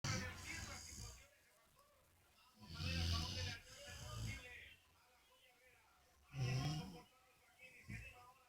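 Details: Pitbull dog snoring while asleep: deep, rattling snores roughly every few seconds, with some background noise.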